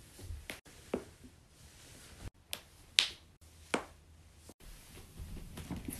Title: continuous joint cracking